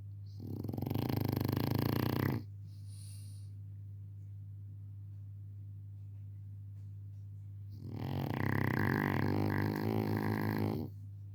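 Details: Sleeping French bulldog puppy that often makes strange snoring sounds; two long, loud, rattling snores separated by a quiet pause over a steady low hum; snoring.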